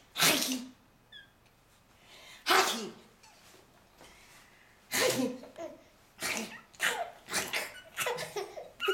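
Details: Sneezing sounds that make a six-month-old baby laugh.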